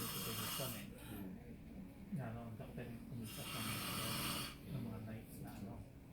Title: More snoring...